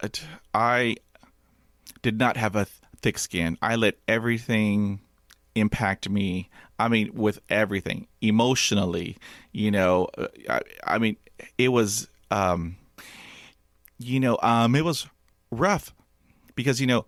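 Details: Adult male medical student who stutters overtly with blocks, facial tension and eye squeezing, more pronounced from about age 6 or 7, with his mother and uncles also stuttering; stuttering.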